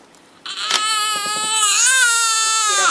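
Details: Newborn girl on her day of birth, at her hearing test (passed): a strong, high, sustained cry after a brief quiet start; a vigorous, normal newborn cry.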